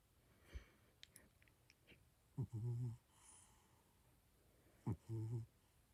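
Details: A sleeping cat snoring while twitching, seemingly dreaming: two soft, low snoring breaths with faint rustling between them in a quiet room, with some static noise.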